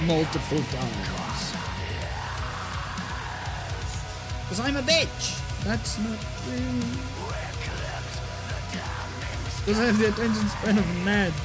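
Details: Adult with Tourette syndrome; involuntary vocal tics interrupting speech, including an obscene outburst; real vocal tics (Tourette syndrome).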